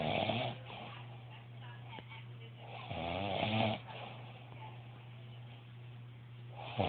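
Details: Heavy snoring: loud, rough, rattling snores with softer breathing between, about 18 breaths per minute, over a steady low hum.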